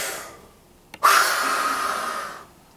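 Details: Demonstration of an NRN spirometry test, one of repeated coached "push" attempts: a quiet deep breath in, then a sudden loud rushing blast of forced exhalation sustained about one and a half seconds.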